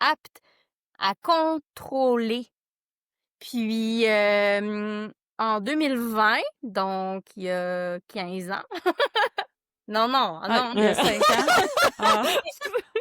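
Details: Adult woman who stutters, who discovered an association for adults who stutter in 2015; stuttering.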